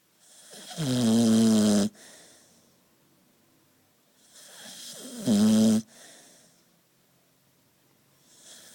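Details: Relaxed sleeping puppy snoring: two loud, tonal snores on the in-breath, each followed by a soft out-breath, about 15 breaths a minute.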